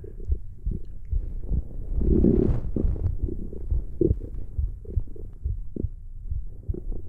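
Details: ASMR recording of stomach growling: low gurgling rumbles and bubbling pops from gas and fluid moving in the gut; ordinary borborygmi.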